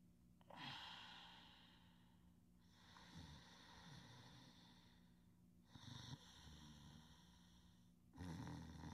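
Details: Sleeping individual who sometimes snores softly: slow, noisy breaths with rough, snorting inspirations in a quiet room; snoring.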